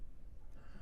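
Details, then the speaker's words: Pet Boomer sleeping in a small quiet room during a podcast recording: a brief, faint, low rumbling breath with a slight snort quality, snoring. "That's Boomer snoring, in case y'all hear that sound. That's not me breathing. That's Boomer."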